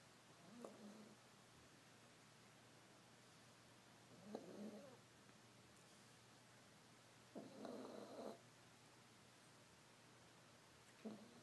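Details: Sleeping Yorkie puppy: soft, rattly snoring in slow regular breaths, roughly 17 a minute, over a quiet room; snoring.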